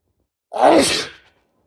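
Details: Man inducing sneezes after a shower: a single short, forceful sneeze with voiced onset and hissing release.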